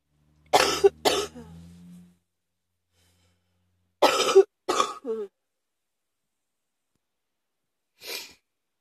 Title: # 78 uh-oh cough!